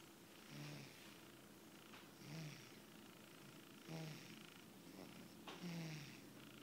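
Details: A cat snoring while asleep after feeding: soft, low rattling snores roughly every one and a half seconds; harmless.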